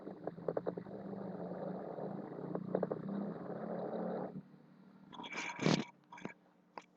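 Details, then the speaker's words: Lung auscultation teaching example of fine crackles: faint, brief crackling clicks over steady breath noise, presented before coarse crackles. "fue el sonido de los crepitantes finos ahora escucharemos crepitantes gresos"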